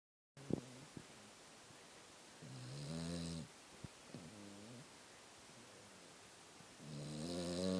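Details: Pet snoring: quiet, low, buzzing snores on two or three breaths, with soft clicks and room hiss between; ordinary snoring.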